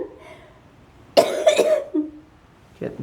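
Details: Hard coughing in a person with cystic fibrosis: a few harsh, wet-sounding coughs in quick succession after a quiet stretch.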